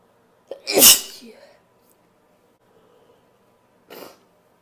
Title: 2 or 3 sneezes and some noseblows